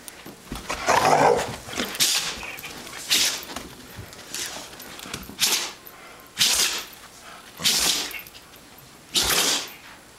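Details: Female puppy has a sneezing fit: a rapid run of about seven sharp, hissing sneezes in quick succession.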